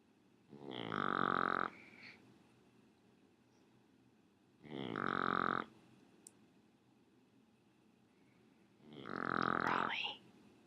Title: Cute Shih Tzu Snoring